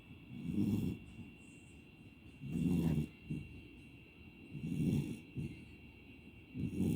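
Rhythmic low rumbling snores on each breath, about 29 a minute, with quiet pauses between them: ordinary snoring in a sleeping puppy.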